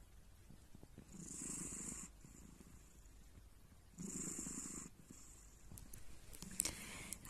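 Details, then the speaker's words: Snoring in a sleeping cat: soft, rough breathing sounds in slow cycles, each about a second long and roughly three seconds apart. "No solamente me comió media almohada, sino que está roncando."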